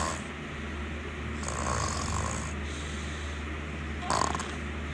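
Low, rumbling snore sounds over a steady background hum, with a brief snort near the end.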